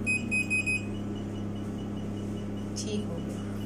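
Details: A few short high electronic beeps, then a steady low machine hum with faint regular ticking from a picosecond tattoo removal laser while its parameters are adjusted.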